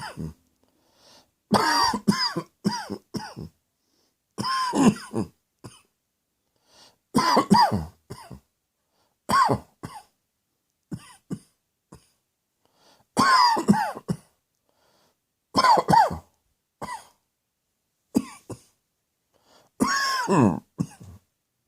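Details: Deliberate, voluntary coughing with the mouth closed, made on request: repeated muffled coughs in short clusters separated by quiet pauses.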